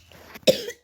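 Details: A single short cough burst after a faint breath from a sick young gamer whose throat hurts, recorded while playing a game; cough.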